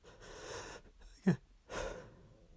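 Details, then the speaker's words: Person deliberately announcing their sneezes, says "bless me": a sharp, forceful sneeze burst with breathy sounds before and after, a strong ordinary sneeze. "so I'm going to announce my CSS or try to announce my sneezes and see how that goes okay here we go"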